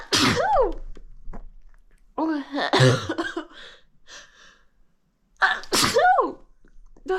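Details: Rapid sneezing fit, sneezing directly toward the listener without covering or turning the head: three sharp explosive sneezes in quick succession, each with a short voiced burst.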